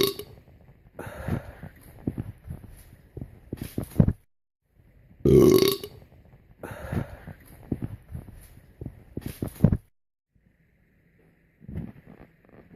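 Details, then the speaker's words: Repeated long, low, rumbling belches one after another with short pauses, frequent burping after drinking a bottle of soda. "Can smell that one. That there should be a air freshener of a belch. We definitely need one of those. That was a good enough belch for an air freshener."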